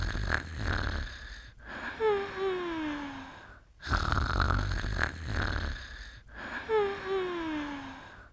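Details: Rhythmic snoring, each breath ending in a falling whistly squeak, about three breath cycles in eight seconds; snoring.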